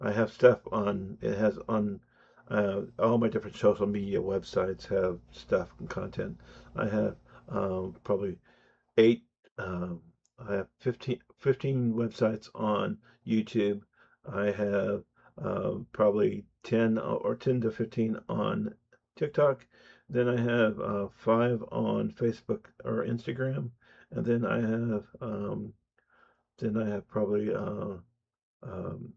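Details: Adult man who says he has an audible speech impediment, with disfluent speech; speech impediment.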